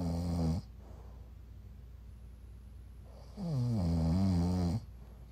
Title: My boyfriend snores